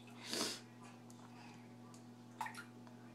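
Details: Mother sneezing while talking with her very young daughter: one loud, breathy burst at the start, then a quieter sharp sound, over a steady room hum; a single sneeze.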